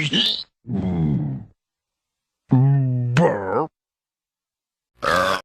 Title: Burp sound effects